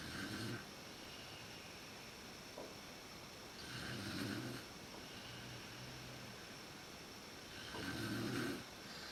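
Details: Mother snoring in the dark, worst at sleep onset, recorded with a PowerShot SX130 IS camera: regular rumbling snores on each in-breath, about 15 a minute, over background hiss.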